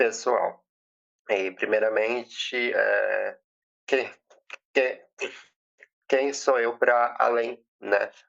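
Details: 20-year-old woman who has stuttered since age 7, with past speech therapy, stuttering worsened by emotion and nervousness, speaking at a public talk; stuttering.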